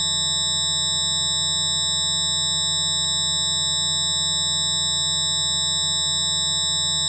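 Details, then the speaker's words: Simulated tinnitus, one sufferer's approximation of what they hear: constant high-pitched ringing tones over a low steady hum. "it makes me a little testy at times I've approximated What I Hear into this video's soundtrack to give you an idea why tontis is a Relentless sound that only the sufferer can hear"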